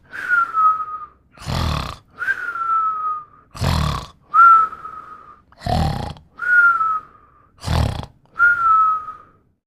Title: Burp Snoring and Whistling in 49 seconds